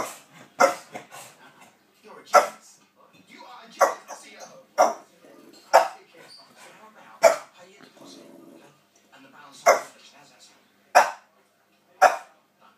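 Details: A dog named in the recording gives repeated short, harsh, bark-like coughs, roughly eight irregularly spaced bursts; dog cough.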